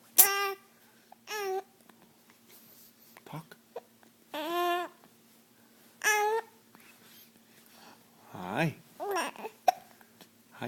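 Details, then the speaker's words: A toddler boy hiccuping while eating: a few brief, abrupt hiccups break in between his babbling and vocal sounds in a room. "see I die good boy I done oh I know those hips those hiccups"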